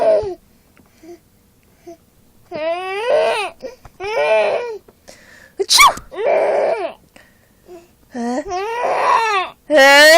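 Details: Baby laughing after mother sneezes: bursts of infant vocalizing, crying and squealing laughter with pauses between, in a small room; infant vocalizing.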